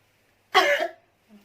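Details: Simulated nursing role-play of chest physiotherapy, effective cough and oxygen therapy for a woman brought to the ER with shortness of breath and productive cough with hard-to-expel phlegm: after deep breaths, one forceful, harsh effective cough.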